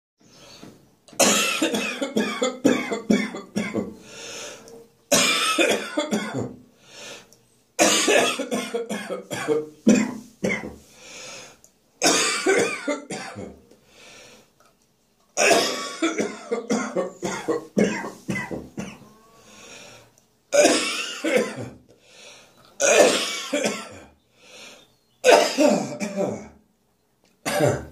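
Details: Adult with repeated bursts of harsh, rapid coughing and choking gasps in the morning after inhaling saliva instead of swallowing it: half coughing, half choking.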